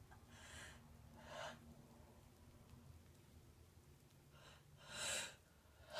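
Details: Person sneezing during a bath, thought to be allergic to a new bubble bath: two pairs of hissing, explosive sneezes over steady running water, after false starts.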